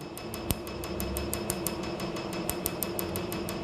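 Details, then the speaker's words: First tattoo removal session, laser at base treatment rate: regular sharp snapping clicks, about six per second, over steady machine hum; patient says pain is similar to getting tattooed; tattoo removal laser firing. "It's actually a little bit like getting tattooed, a similar level of pain."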